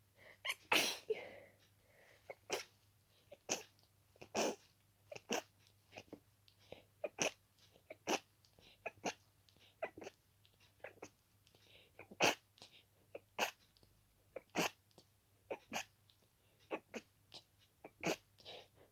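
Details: Itchy-nosed person with dust allergy: about twenty quick, sharp, wet sneezes in under twenty seconds, many muffled or stifled, with barely a breath between them; an allergic sneezing fit.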